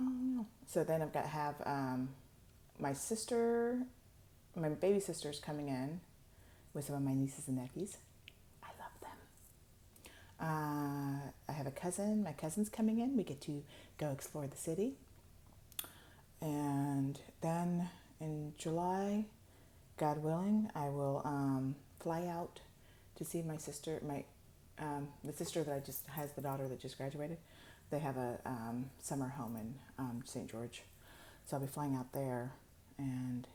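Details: Adult woman with upper motor neuron dominant ALS, late in a long monologue, using a microphone because she says her voice gets softer the more she talks; hypophonia (reduced voice loudness).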